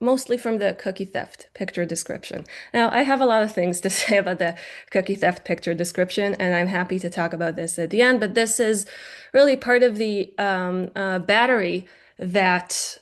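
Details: Adult woman; Normal fluent speech.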